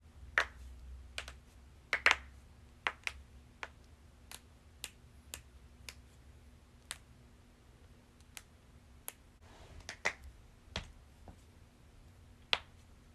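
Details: Compilation of knuckles and toes being deliberately cracked: irregular sharp pops and clicks, roughly twenty in a row; harmless joint cracking.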